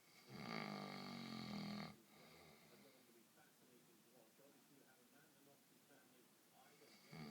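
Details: Father snoring: one loud, rough, rattling snore on inhalation, then quiet breathing and the start of the next snore.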